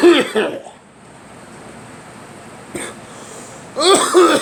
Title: Me coughing